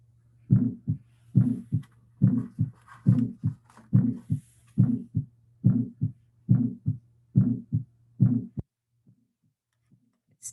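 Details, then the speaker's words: Innocent heart murmur: a regular heartbeat at about 70 a minute with a soft whoosh after the first sound, like "lub-whoosh-dub" instead of a clean lub-dub. "of instead of a nice love wood lub dub it's almost like a lavush dub"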